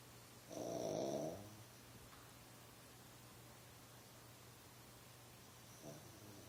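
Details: Dog trying to sleep: one loud, rattling snort-snore, then quiet with a faint second breath near the end. Snoring.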